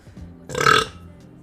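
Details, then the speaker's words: A woman streamer on Twitch coughs and lets out a single loud, drawn-out burp of under half a second, faint music behind; burping. "oh my God that was disgusting I just coughed and burped sorry I was right here that was so loud"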